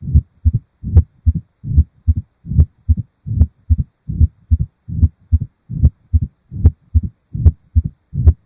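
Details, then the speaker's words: Mitral stenosis: regular heartbeat about 72 per minute with loud S1, an opening snap after S2 in early diastole, and a low diastolic rumble best heard over the cardiac apex. "Мы также услышим диастолический шум. Лучше всего его слышно над верхушкой сердца."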